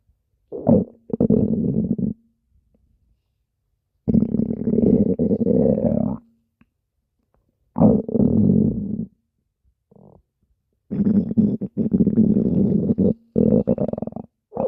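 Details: Requested stomach growling in a character roleplay: long, low, rumbling gurgles in several drawn-out bursts with silent gaps; normal gut sounds (borborygmi).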